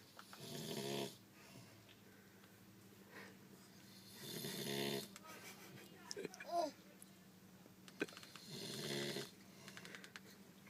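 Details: Loud rasping snores about every four seconds, with faint room noise between: ordinary snoring.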